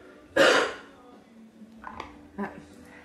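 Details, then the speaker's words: Cough from a partner who is ill, in the background of a quiet room: one sharp cough burst, then a couple of softer throaty sounds. "Donc si vous entendez tousser, c'est normal."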